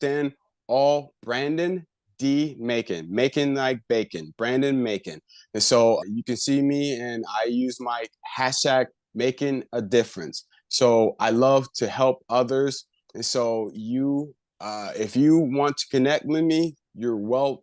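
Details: Adult man with aphasia after a left-hemisphere stroke about a year earlier, still recovering, with word-retrieval difficulty; aphasia.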